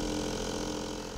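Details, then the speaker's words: Steady mechanical hum of a suction pump clearing a baby's nostrils through a size 6–10 French catheter. Suction starts when the connector's vent hole is closed after the catheter is inserted. This is a clinical training demonstration. "then I close to start suctioning"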